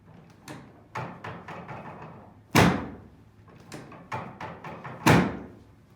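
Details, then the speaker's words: Chiropractic drop-table sacral torque adjustment with counterclockwise torque, in a chef with right-sided sharp rib and mid back pain: two loud thuds about two and a half seconds apart, with lighter knocks around them. "we're gonna do that drop going down and we're going to give it a counter clockwise torque here"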